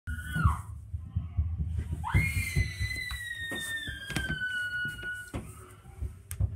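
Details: Child crying with high-pitched, drawn-out wails and some room noise in between.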